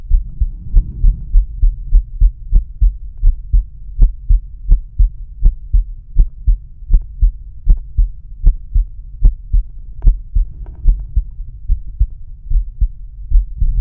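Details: Male's own heart auscultated with a stethoscope diaphragm, moving through aortic, pulmonic, Erb's point, tricuspid and mitral/apex areas: normal heart sounds.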